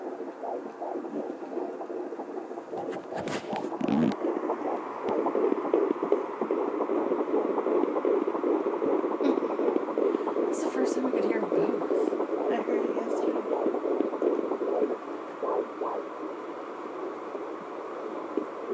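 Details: Fetal twin heartbeats at 14 weeks 6 days on Doppler, both (possibly all three) heard at once: fast rhythmic overlapping whooshing pulses, about 150 a minute.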